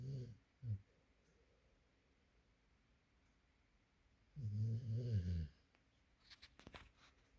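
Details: Springer Spaniel asleep, blinking and twitching, perhaps dreaming: two low, rumbling snores with quiet gaps and a few faint clicks and rustles between them; snoring.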